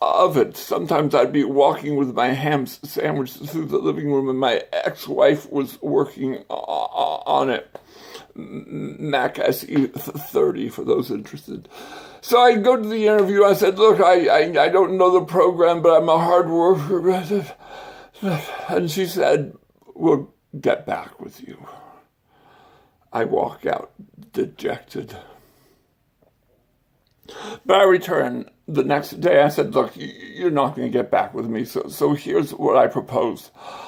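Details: Adult man with stuttering and speech impairment, acquired after brain surgery with complications the previous summer.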